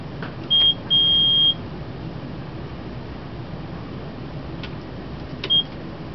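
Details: Short high-pitched electronic beeps over quiet room noise: an IV infusion pump alarm during an occlusion check, with the tubing taken out of the pump cassette and lowered below patient level to look for blood flashback, in an LPN IV therapy demonstration.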